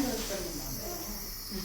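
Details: Nebulizer running for a sick child in hospital with cough, fever and viral infection, helping him sleep: steady hissing airflow with a low hum.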